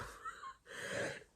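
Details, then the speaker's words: Adult woman with COVID-19 caught over Christmas, isolating, with a croaky voice, an increasingly regular cough and breathlessness on exertion, gives two brief breathy cough bursts, the second fuller and slightly rough; cough. "mean you can probably hear me voice like it's kind of a bit croaky and like me cough is getting a bit more uh regular"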